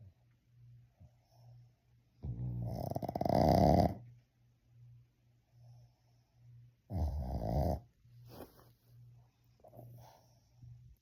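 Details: Snoring in a pug sleeping with her eyes open: two loud, rattling, throaty snores with soft breathing between, over a low hum.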